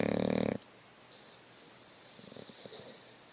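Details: English Bulldog asleep, snoring: a short loud snorting snore, then quieter snuffling breath sounds; noisy breathing during sleep.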